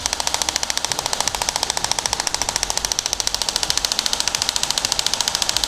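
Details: Radial shockwave treatment of plantar fasciitis on the foot's plantar area with a 15 mm focused head, shifting by 15 mm: fast, steady run of sharp hissing clicks with constant hum, about 14 shots a second; shockwave device firing.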